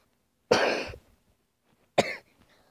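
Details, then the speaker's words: A person who says they are really sick coughs twice in a quiet room: the first cough longer and rougher, the second short. "today I'm really sick so I'll get mid prayers in the comments section below I'm really sick"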